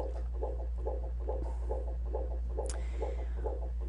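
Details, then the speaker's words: Fetal heart rate on Doppler monitoring in a laboring woman having contractions about every two minutes: rapid, regular whooshing beats about 136 to 140 a minute, within the normal 110–160 range. "Up here we see the baby's heart rate. Normal, of course, is 110 to 160 and we can see that this baby's baseline is"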